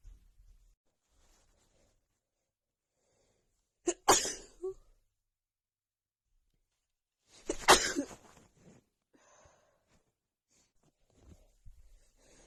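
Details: Woman with a bad, stuffy head cold: two forceful sneezes several seconds apart, each with a quick intake before the burst, in a quiet room; sneezing due to common cold.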